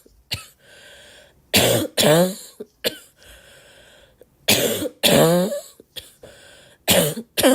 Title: Girl Coughing 324